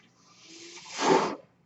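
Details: Mechanical ventilator of an adult user heard while she talks: a soft airy hiss builds over about a second, peaks, then cuts off sharply, one delivered breath.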